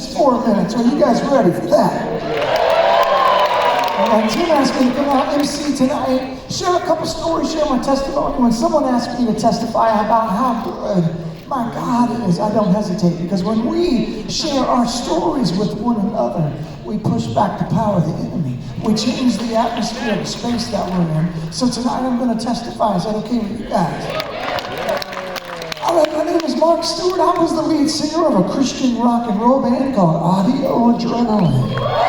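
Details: Man with incurable spasmodic dysphonia developed at the height of his career, progressively worsening until voice was lost, unhelped by vocal coaches and doctors, audible in his voice; spasmodic dysphonia.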